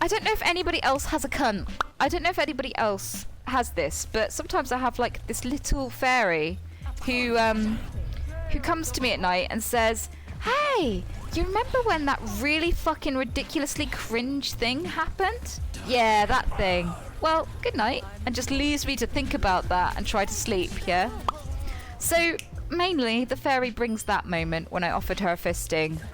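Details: Tourette syndrome in a female speaker, with involuntary vocal tics including coprolalia produced mid-sentence.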